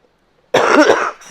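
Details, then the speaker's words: Single abrupt, fairly forceful cough from an adult woman who says she has allergies and has been coughing; heard after a moment of quiet. "I'm sorry for my voice I have allergies and I've been coughing"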